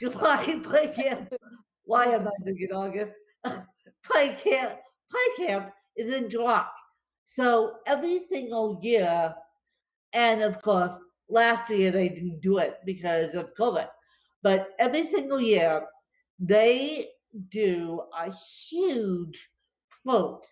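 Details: Real dysarthria in a woman with cerebral palsy affecting her limbs and brain, recorded after a bad spasm day, which she says leaves her more tongue-tied than usual.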